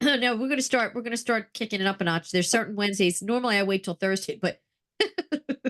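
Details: Adult speaker; normal voice.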